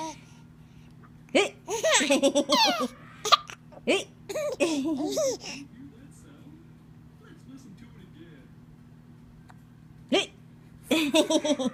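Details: Female laughing at her own hiccups: bursts of giggling laughter broken by short, abrupt catching sounds; hiccups.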